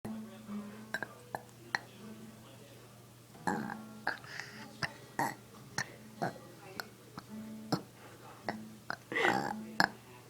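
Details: Young boy who has learned to make himself burp and now does it for fun: several short, low, voiced belches in a quiet room with faint music and talk; repeated voluntary burping.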